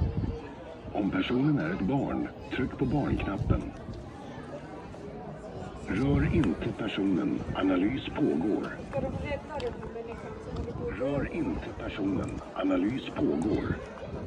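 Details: CPR training scenario: automated external defibrillator voice prompts guide the rescuer through pad placement and toward pressing the shock button.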